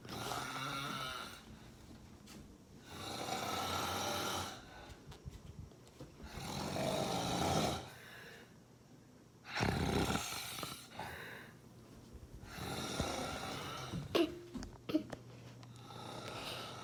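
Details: Loud, rough, rattling snores on each breath, about nineteen a minute, with quieter breaths between; an adult man's ordinary heavy snoring.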